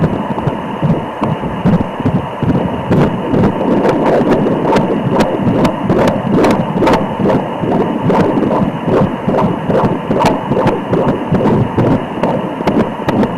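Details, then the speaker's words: Fetal heartbeat on Doppler in late pregnancy, head-down baby gaining body fat, reportedly a girl: rapid regular whooshing pulses over steady hiss, steady, rate 135 per minute, normal for this stage. "is nice and steady hard raate it's going to be very fast still at this stage and we're getting a rate of 135"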